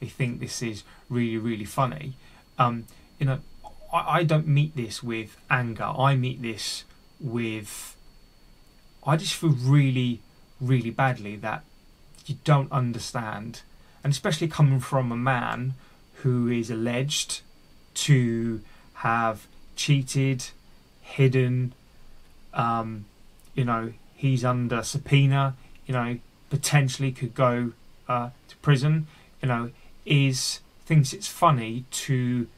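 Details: Adult male who stammers and has had speech therapy, with word and part-word repetitions left unedited; stuttering.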